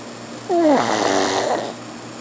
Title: Snoring Pug